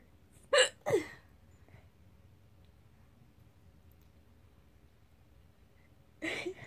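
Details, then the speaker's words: Person filming themselves laughing while having hiccups: two sharp hiccup bursts close together, a quiet gap, then a third hiccup in a quiet room. "video myself see I laugh and Hiccup at the again"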